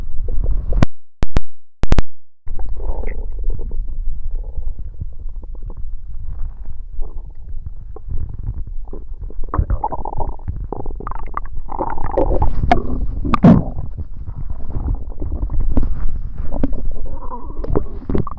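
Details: Loud, irregular low gurgles and rumbles from the belly during a tummy ache; active bowel sounds (borborygmi).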